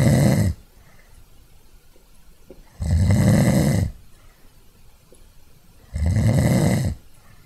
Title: Snoring HD